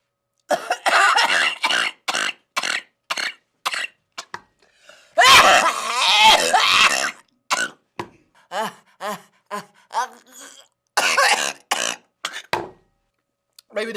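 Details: Woman coughing while eating noodles during an eating challenge: repeated short harsh coughs with a longer bout of forceful coughing and gagging, like choking on food.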